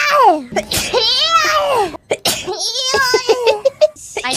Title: sneeze collection (351-400)